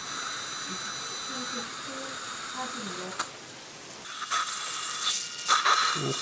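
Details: Osstem OneGuide template-guided implant surgery for missing maxillary molars (#15–17, #25–27), live surgery from 2017: high-pitched whine of a dental drill with hiss and scattered clinical room sounds; drilling through dense cortical bone.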